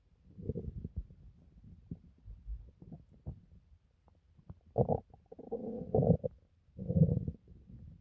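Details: A person's own stomach making low gurgles, squeaks and rumbles, irregular and growing louder toward the end: bowel sounds (borborygmi).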